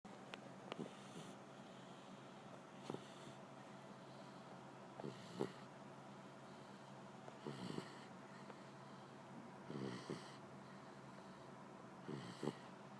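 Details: A napping puppy making short nasal snorts and snuffling breaths, about six over thirteen seconds, some with a soft rattle, against a quiet background; snorting.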